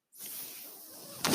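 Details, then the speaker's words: An adult man speaking on a mechanical ventilator: a brief steady airy hiss ending in a louder puff of air from the ventilator. "my name is that noise ear he's my ventilator"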